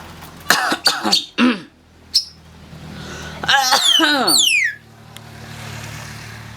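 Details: A pet jalak (starling) more than about 5 years old mimics a cough: several short cough-like bursts, then whistles and chirps over a steady low hum. It also imitates falling metal and a Honda horn.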